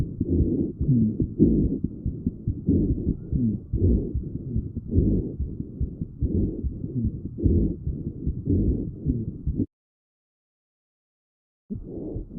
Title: Lung sound Rhonchi #lunges #Sound #Rhonchi